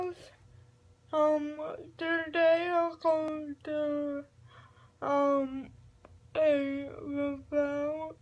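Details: Adult speaker; dysarthric speech in cerebral palsy.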